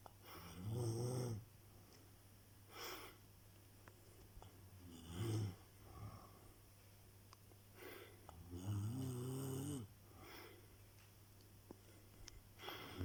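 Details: Low, rumbling snores on breathing in, about 14 a minute, with soft breathing out between; snoring.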